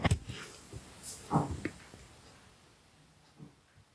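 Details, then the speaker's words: Pet dog Susie snoring during a livestream, with low, irregular snorts and grunts over a quiet room background. "so throughout the live you'll hear Grunts and snorts and it'll be on fyp and people are be accusing me of fighting but it's Susie"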